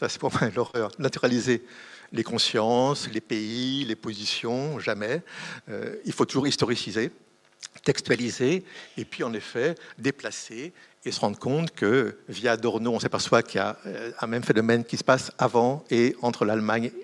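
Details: Adult man speaking French; Normal voice.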